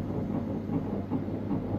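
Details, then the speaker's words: Fetal heartbeat on ultrasound at 7 weeks pregnancy, a woman hearing it for the first time: rapid, regular whooshing pulses about 150 a minute, described by the doctor as strong. "nah udah berdenyut Bu ini berdenyut ibu senang Ibu ini denyut jantungnya tuh kuat kok kuat"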